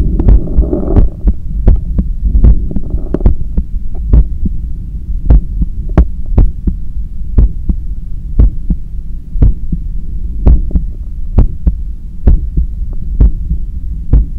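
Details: Regular, strong heartbeat thumps over a low steady hum, recorded at the neck with a visibly strong pulse while cooling down after a 10 km run: heart sounds after exercise.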